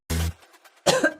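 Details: Girl coughing: two short voiced cough bursts, the second rougher and longer.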